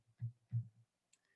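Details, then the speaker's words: Two low thumps through a stethoscope, lub (AV valve closure) then dub (semilunar valve closure), from one heartbeat; normal heart sounds. "the heart sounds like lubbed up and the lub that first sound comes from the closure of the av valves the dup the second sound you hear is from the closure of the slv valves"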